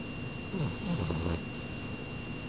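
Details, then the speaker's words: A sleeping French Bulldog makes a single low, rumbling, snorting breath over a steady hum: snoring. "Potato. Potato. Potato, you're snoring."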